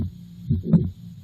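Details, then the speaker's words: Teaching example of mitral valve prolapse: first three beats of the mitral regurgitation murmur alone, then with the midsystolic click added; low heart thumps with a soft blowing systolic murmur between them. "I'm going to first play three beats of just the murmur of mro agitation and then I will add in the click so that you can hear the click and the murmur"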